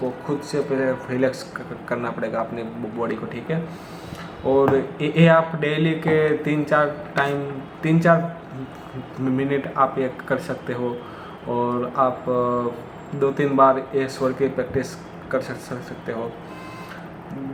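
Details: Hindi-speaking adult man who stammers, with difficulty on words starting with sounds like 'd' and 'pr', practising daily; part-word and word repetitions audible; stuttering.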